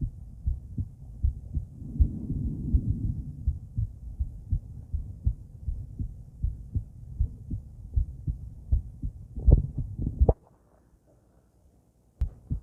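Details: Female heart auscultated with several different stethoscopes via microphone, moving Erb's point, mitral, tricuspid, aortic, then pulmonic; regular soft low thumps about 81/min with rubbing and handling noise; normal heart sounds.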